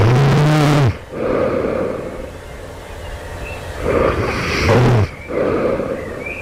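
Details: Loud, harsh, rattling snores in bursts, with quieter breathing between, heard right before awakening; the snorer wonders if this is developing sleep apnea.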